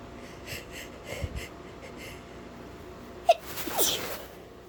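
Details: Sneezing with some nose blowing, from someone who usually stifles sneezes: short sniffing breaths, then a sharp explosive sneeze with a trailing exhale and rustling.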